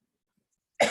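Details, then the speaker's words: Single abrupt cough, cut off mid-sound, after near silence, from a vaccinated, boosted adult who recently tested positive for COVID, with a lessening cough. "i'm able to talk without coughing as you can hear and uh you know it's just excuse me as i cough"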